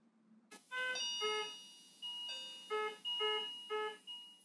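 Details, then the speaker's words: ICU patient monitor alarms as heard in a hospital intensive care unit: repeated, overlapping electronic alarm tones in short melodic bursts. "you are hearing are alarms as you would hear them in the icu of the hospital they exist to keep patients safe but instead they cause risks to the patients and to the well-being of the medical staff"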